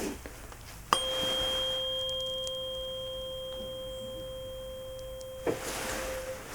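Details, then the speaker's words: Struck tuning fork ringing a steady pure tone for several seconds, placed on the forehead for a hearing comparison between ears in a simulated ASMR roleplay cranial nerve exam. "I'm gonna be doing the training Fork a hit just gonna make a sound like this okay"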